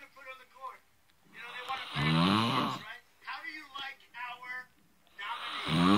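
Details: A person recorded by their mate while asleep: loud, rough, vibrating snores in a quiet room, with softer noisy breaths between them.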